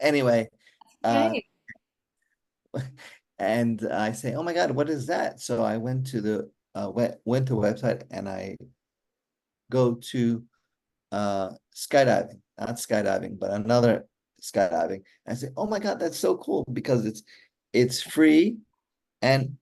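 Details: Aphasia in an adult male stroke survivor with hereditary mitral valve prolapse, following a stroke during mitral valve surgery in 2007; communication remains hard for him.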